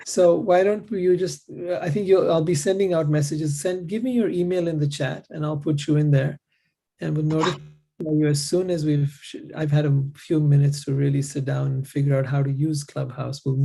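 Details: Adult man speaking; normal voice.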